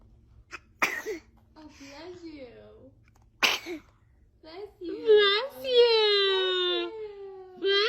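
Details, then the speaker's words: Two small sharp infant sneezes between soft baby vocal sounds and a drawn-out coo; ordinary baby sneezing. "baby is a dramatic sneezer check"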